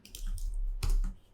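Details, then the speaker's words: Stomach rumbling (borborygmi) from an adult man who had not eaten before starting, heard over music production audio. "know if you can hear my stomach rumbling but i probably should have bet something before starting this but never mind"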